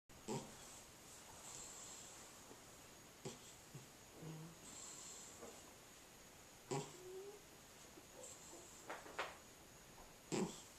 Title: Cat Snoring